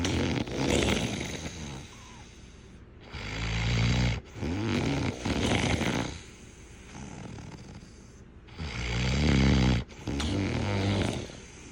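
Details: Loud, rattling snores on each breath, coarse vibrating rumbles separated by brief pauses, about eleven to twelve breaths a minute; heavy snoring, tagged as linked to being overweight.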